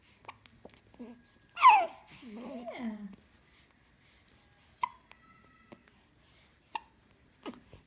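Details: Baby girl with short, sharp hiccups at irregular intervals, about six in eight seconds, alongside soft babbling in a quiet room; hiccups.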